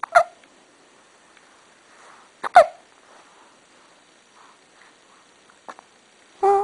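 Two sharp, abrupt voiced catches about two seconds apart in a quiet room, each a brief gulping click: hiccups.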